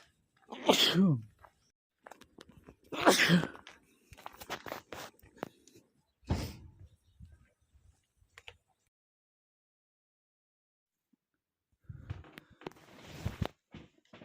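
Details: Male, unable to stifle his sneezes: two loud sneezes a few seconds apart, then a softer sneeze and some rustling; a bout of repeated sneezing.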